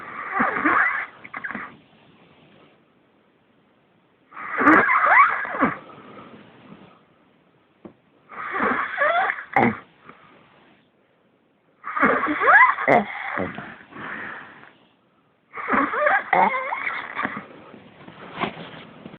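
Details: Very loud snoring with harsh rattling snores and whistling, squeaky edges, separated by silent pauses of a few seconds.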